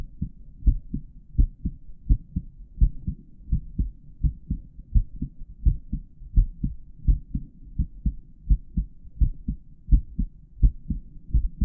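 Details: Real-time recording of a male heartbeat through a stethoscope with a microphone inside the earpieces, during a tutorial on auscultating the heart valve areas; steady, regular lub-dub about 85 a minute with crisp first and second sounds: normal heart sounds.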